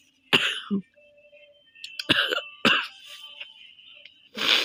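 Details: Several harsh coughs and throat clears in an uneven run with laughter and faint music, in a three-minute long cough challenge; the woman says she really has a bad cough from a cold, now easing, partly forced.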